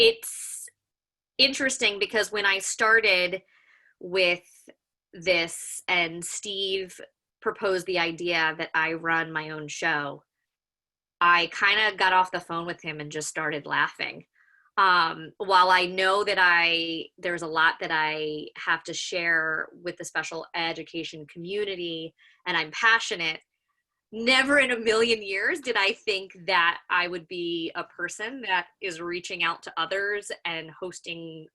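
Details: Adult woman, a special educator, with lifelong stuttering that is worst when excited, anxious or short of sleep; vowel sounds can trigger stammering. Finding: stuttering.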